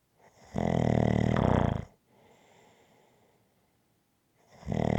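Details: A loud, rough, low snore on a breath in, a quieter breath out, then the next snore starting; ordinary rhythmic snoring.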